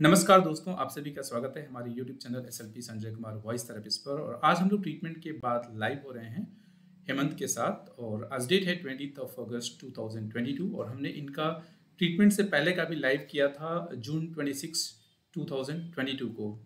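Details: Adult male speaker; normal speech.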